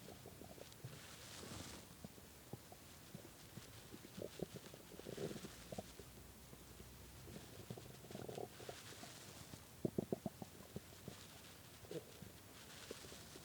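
Low gurgling rumbles and bubbling pops come and go over a steady background hiss; stomach growling from hunger, a normal finding.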